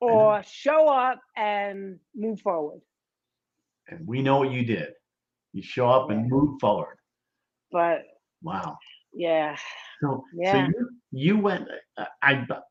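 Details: 57-year-old woman, major ischemic stroke in 2011 at age 45 affecting right side and speech, initially unable to talk; speech improving but worse with emotions; post-stroke aphasia.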